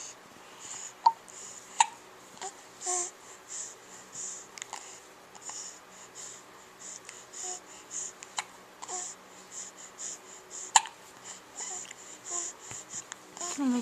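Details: Infant making soft new vocal sounds in a quiet room, broken by several sudden, sharp hiccup catches at irregular intervals; infant hiccups.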